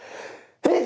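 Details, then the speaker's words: An adult gives a fading breathy sound, a brief silence, then a sudden loud explosive burst of air, cut off at the end; sneeze. "sneezes) - Zero likes on that sneeze."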